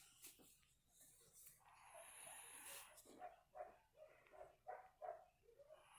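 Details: Sleeping dog lightly snoring: soft repeated nasal snuffles and short whistling puffs, about three a second at the end.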